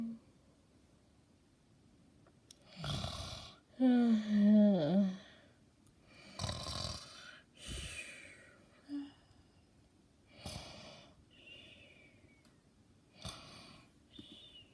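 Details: Snoring in a sleeper who wakes himself: a few loud snoring breaths, then a sharp snort and a groan on waking, followed by a yawn.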